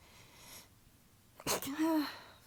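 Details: Sneeze during a tickly sneezing fit attributed to allergies, weather change and fatigue: a quick sniff, then one sharp sneeze followed by a short voiced cry, in a quiet room.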